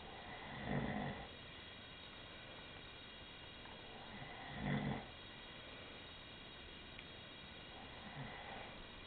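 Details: Adult man, described as a husband who denies snoring, asleep: two low rasping snores about four seconds apart over steady room hiss, with a faint third breath near the end; snoring.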